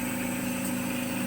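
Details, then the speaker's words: Home air compressor running with the entrainment port opened for more flow. It draws in room air, giving a slightly louder steady droning motor hum. "you'll hear it gets a little bit louder though because now you're bringing in not just the air from the compressor but air from the room so it's a little bit louder if you have it open"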